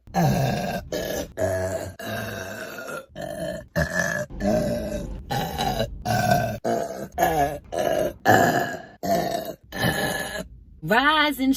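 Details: Long, loud, rumbling voiced burps, about fourteen in a row with brief pauses between; repeated belching in a burping compilation.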